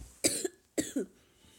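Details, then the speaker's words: Two short, fairly loud coughs, each a sharp burst with a brief second push, in a quiet room from a person sick over winter break; cough during illness. "yeah I'm kind of sick so we'll be coughing a little bit in this video I've been sick over my winter break pretty much"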